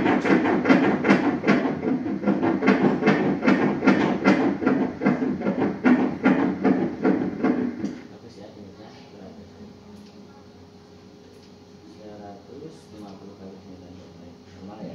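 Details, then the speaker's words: Fetal heartbeat on Doppler at 20 weeks of pregnancy: fast, regular whooshing beats about 150 a minute, fading to quiet room noise. "SUARA JANTUNG BAYI DI DALAM KANDUNGAN !!!!"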